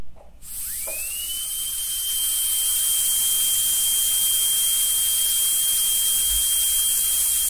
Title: Sound FX - dentist drill (SFX)